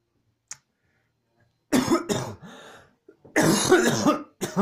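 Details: A faint click, then a cluster of harsh cough bursts with a brief wheezy pull of breath between them; a coughing fit.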